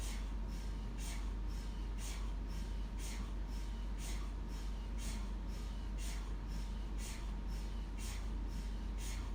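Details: Steady deep rumbling drone with regular knocks about twice a second, typical of MRI scanner noise; a looped recording for relaxation.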